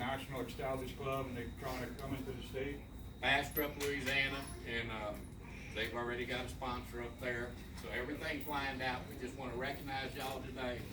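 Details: Adult man speaking; normal voice.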